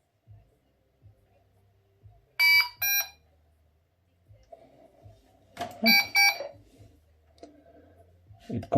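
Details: Loud paired high-pitched alarm tones sound twice over a low mechanical hum from a Medtronic (Covidien) PB560 ventilator during a teardown, warning that its battery is not connected; the turbine is also disconnected.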